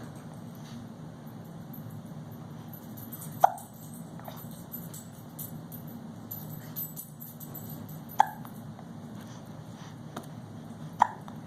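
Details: Infant almost 5 months old sitting in a Bumbo seat: three brief, sharp hiccup sounds spaced several seconds apart over a steady low room hum: hiccups.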